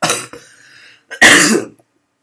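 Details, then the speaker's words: Two harsh, explosive bursts about a second apart, the second louder and voiced: an adult who says they are really ill today coughing or clearing the throat, shortly after needing to sneeze. "Sorry guys, I'm really ill today."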